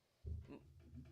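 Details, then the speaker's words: Snoring heard in the background during a podcast recording. A speaker says he has trouble breathing and needs a CPAP. "snoring yeah I was wondering what that sound was I didn't know what that was oh he's over his sleep he needs a CPAP he has trouble breathing"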